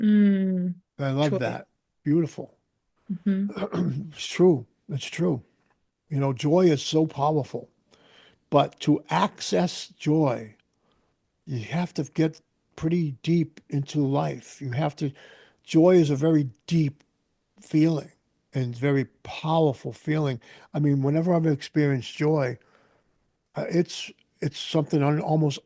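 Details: Adult male speaker; Typical speech.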